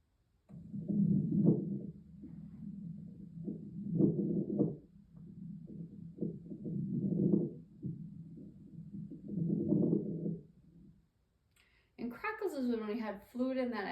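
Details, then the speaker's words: Teaching example of crackles from alveoli popping open, often seen with pneumonia or infection; breath sounds at about 20 a minute with brief popping crackles: crackles. "and those avoli are popping open um we'll see that often times with pneumonia or an infectious process"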